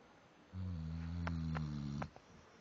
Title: mans guardian snoring